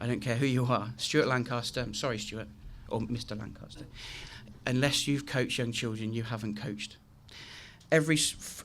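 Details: Adult male with a very chronic stammer since age three, demonstrating how his speech sounded on a bad day; stuttering (stammer).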